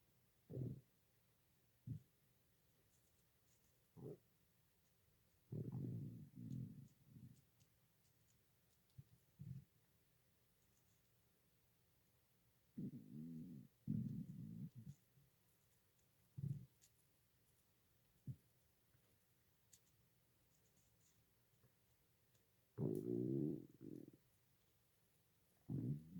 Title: stomach growling (request for @Amandaforbuddies2 )